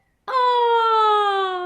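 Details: Demonstration of a clear voice tone produced by firm, tight vocal fold closure, in contrast to a breathy tone; not a disorder.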